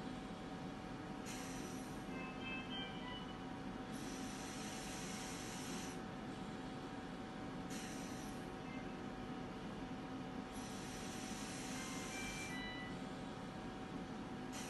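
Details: Steady machine hum with rhythmic rushing hiss phases from a Biyovent mechanical ventilator cycling about nine to ten times a minute.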